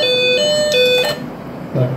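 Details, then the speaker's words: Training simulation of a BeXen Reanibex 700 defibrillator on a pretend patient: a charging tone sounds, then push-to-shock, and a 100-joule biphasic shock is delivered (about 100.2 J displayed). "Kita cas. Cas. Cas. Dia akan berbunyi suara seperti ini. Oh, ada tampilan push to shock. Ya. Oke, tekan tombol orange berbarengan."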